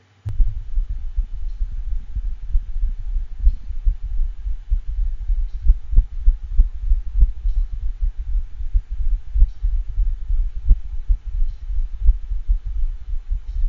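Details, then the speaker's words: Nine-year-old Saint Bernard with lethargy, cough, mild dyspnea, and weak pulses with pulse deficits: atrial fibrillation with an irregularly irregular, faster-than-normal rhythm, from dilated cardiomyopathy with congestive heart failure. "so this dog has dilated cardiomyopathy with congestive heart failure and atrial fibrillation the rhythm is irregularly irregular and is faster than normal"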